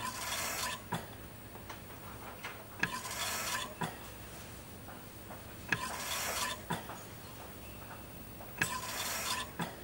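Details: Ventilator sound effect, not a real patient: rhythmic whooshing air bursts at about 21 cycles a minute over a faint steady hum as the machine cycles breaths; mechanical ventilator.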